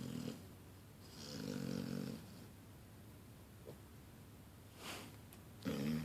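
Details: Puppy snoring while napping: soft, rough snoring sounds coming and going between quiet pauses, with faint room noise.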